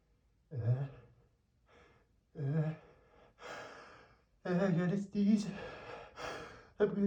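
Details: Male, huge sneezes: breathy gasps and sighs building up, then several forceful voiced sneeze bursts in a run.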